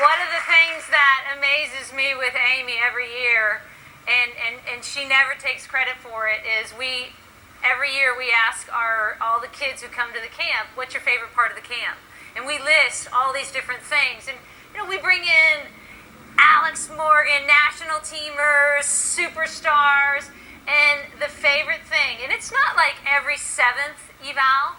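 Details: Adult woman speaking; normal speech.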